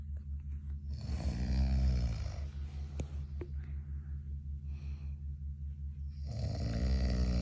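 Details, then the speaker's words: A father's snoring beside a newborn, who seems slightly uncomfortable sleeping: loud, deep, rumbling snores on each breath in, with quieter breathing between; ordinary heavy snoring. "あのいびきうるさくないか？若干寝苦しそうやな"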